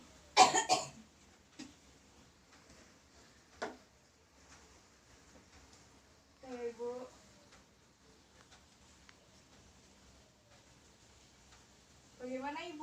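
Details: A nursing student demonstrates the deep breathing and effective cough technique with a seated patient, who takes deep breaths and then coughs to expel sputum into a pot. A forceful cough burst is followed by quiet breaths and short voiced sounds. This is an acted demonstration.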